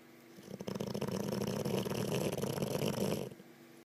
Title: Snoring olde English bulldog